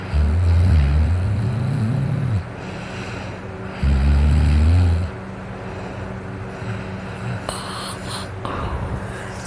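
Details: An adult snoring while drunk: two long, deep rumbling snores on the in-breath, with a quieter pause between them.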